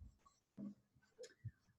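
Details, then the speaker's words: A 14-year-old senior dog has an episode of sneezing and coughing in a quiet room: several faint, short snorting bursts. "Okay, you will sometimes hear this sound, and that's my dog sneezing and coughing. I'm sorry, he's 14."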